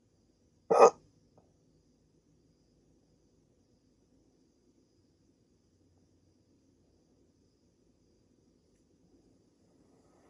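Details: Two sharp, abrupt gulping hiccups about ten seconds apart in a quiet room; a rare 16-minute hiccup bout after waking from sleep with a CPAP mask for sleep apnea.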